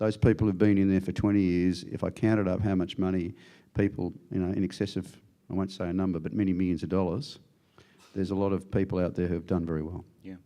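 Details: Adult man speaking; Normal adult speech.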